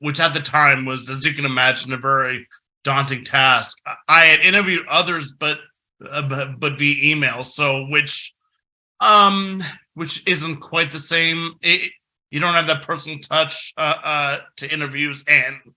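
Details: Adult male with stuttering since about age six, a person who stutters, heard with frequent filler interjections and repetitions; stuttering.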